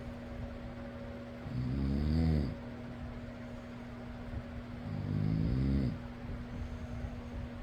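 Two deep, rattling snores on inhalation several seconds apart over a steady fan hum; typical snoring.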